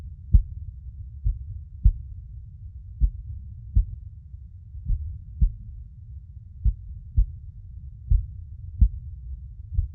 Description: 🎧 1 Hour of continuous mother's heartbeat sounds for peaceful sleep.